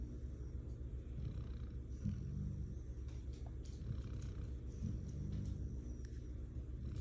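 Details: Snoring labelled "bear", recorded 01/10/25: deep, low rumbling breaths with a steady throaty drone, like a large animal; snoring.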